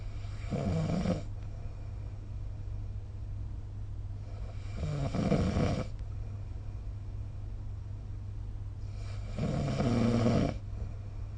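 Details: Snoring during sleep, recorded with the SnoreLab app: three low, rattling snores about every four to five seconds, roughly 14 breaths per minute, over a steady background hum.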